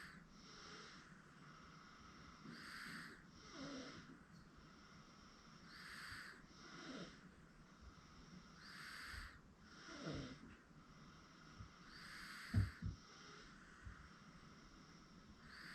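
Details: 8-month-old girl asleep on a futon; soft, rhythmic noisy breaths about every three seconds, roughly 19 a minute, with steady room hiss. Infant snoring.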